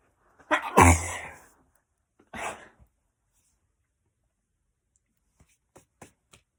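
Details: Two sneezes from a girl, a loud one then a smaller one, followed by faint sniffs and clicks in a quiet room: repeated sneezing.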